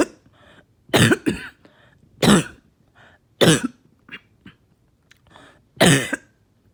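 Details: Productive coughing fit after taking medication: repeated harsh, wet coughs with rattling and throat clearing between them, breaking up and bringing up really thick mucus.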